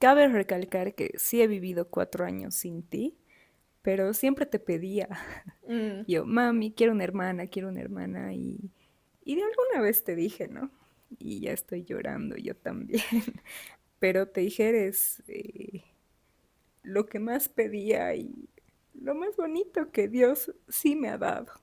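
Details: Adult woman speaking Spanish; ordinary speech.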